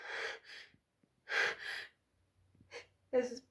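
Several sharp, breathy catch-breaths in quick pairs, the gasping lead-up of a building sneeze.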